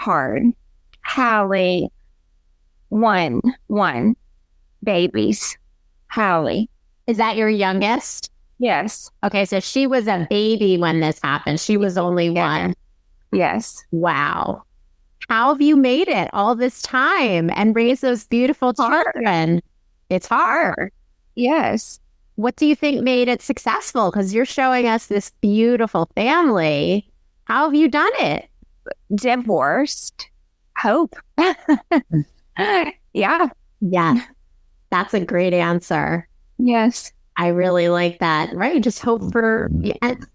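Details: Global aphasia with non-fluent, fragmented speech in a woman after a severe stroke 27 years ago with right-side paralysis; she was unable to speak for about a year and previously spoke five languages.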